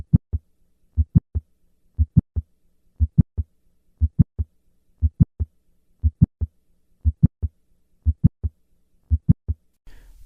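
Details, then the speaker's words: Isolated mid-systolic click without murmur in a patient with mitral valve prolapse: regular rhythm near 59/min with a sharp click between the first and second sounds; the click responds to squatting in the expected fashion. "In some patients, there is only a mid-systolic click and no murmur. When the click is present, it responds to squat maneuver in the expected fashion."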